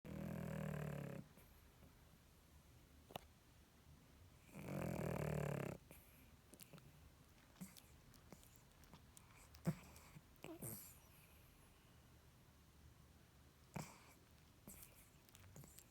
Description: Biga the pug sleeping and snoring ❤️